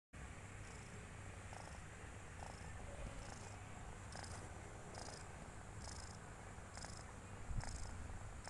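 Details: Sleeping kitten snoring with a steady, low rumbling snore and soft, quick breaths at about seventy a minute.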